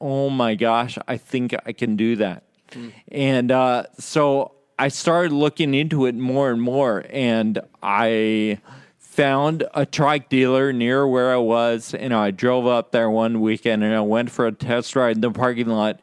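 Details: Adult male with progressive Friedreich's ataxia, diagnosed at 17, which impairs coordination of the speech muscles and causes slurred speech; ataxic dysarthria (Friedreich's ataxia)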